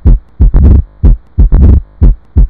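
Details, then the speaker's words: Mitral stenosis heard at the apex with the patient rolled to the left: loud first heart sound, opening snap after the second sound, then a low-pitched mid-diastolic rumble. "turbulent flow produces the characteristic low-pitched mid diastolic murmur and sometimes a thrill roll patient towards left and put Steffes cope on apex you can hear this type of sound"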